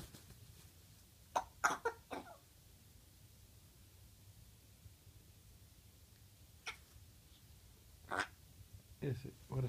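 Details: 8-month-old male Congo African Grey parrot imitating a young girl's chest-cold cough with several short, sharp cough-like bursts in a quiet room.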